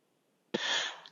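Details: Adult sneezing while recording a video: near silence, then one sudden explosive burst with a brief low voiced onset and a hissing, airy release fading over about half a second; sneeze.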